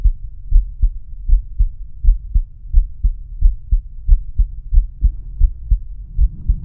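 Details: Adult male's own heart auscultated with the stethoscope diaphragm across the aortic, pulmonic, Erb's point, tricuspid and mitral/apex areas; normal heart sounds.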